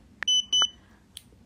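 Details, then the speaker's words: Two short high-pitched electronic beeps with clicks from an Omnipod insulin pump controller while a pod worn on the arm is set up and primes. "okay to go to count down could y'all hear it beeping or like the clicking so this is priming"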